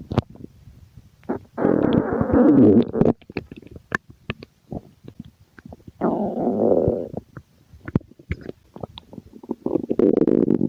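Several long gurgling rumbles separated by quieter clicks and pops, typical bowel sounds of a hungry stomach growling.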